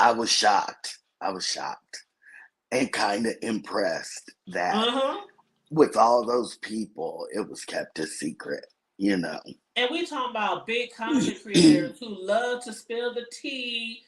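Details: Adult speaker; Normal voice.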